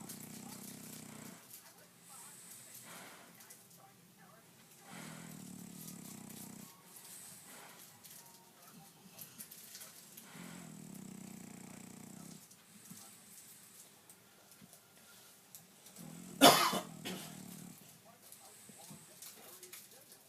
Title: Louie the Frenchie - now that's a snore